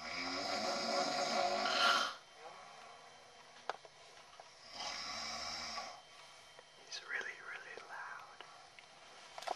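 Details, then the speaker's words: Adult father snoring after a Labor Day weekend: two loud, rough snores on breathing in, with quiet pauses and faint whispering between; snoring. "guys my dad's snoring, so here we go."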